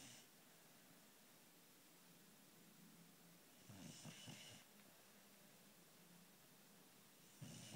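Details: Dog snoring while fast asleep: soft, snorting inward snores every few seconds with quiet breathing between.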